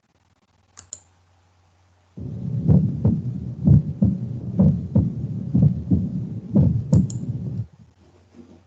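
Regular paired low heart thumps at about 60 a minute, with the first of each pair lower and longer: a normal first heart sound, with brief clicks and room hum.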